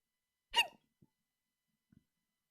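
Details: A streamer hiccups during a live stream: one short, abrupt voiced catch, then two faint small gulps in near silence.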